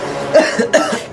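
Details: Adult man coughing again, blamed on smoking and fried food possibly cooked in old oil, irritating his throat; cough.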